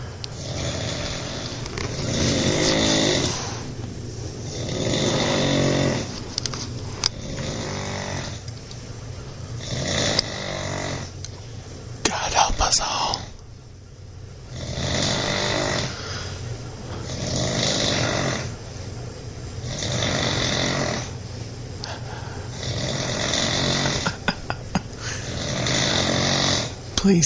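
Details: A man snoring at 5:50 in the morning: loud, rough, rattling snores repeating steadily with each breath, about 22 breaths a minute, during sleep.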